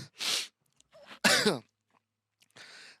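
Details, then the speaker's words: A single voiced sneeze from someone who had been holding it in, a sharp loud burst with a falling tone after a brief noisy breath. "I was holding in a sneeze. I'm sorry."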